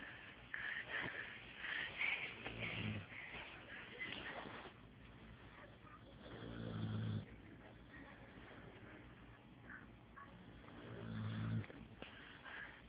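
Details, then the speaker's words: Loud, slow, rough, rumbling snores about every five seconds over steady room noise from a sleeping female pit bull; snoring. "Sadie, quit snoring."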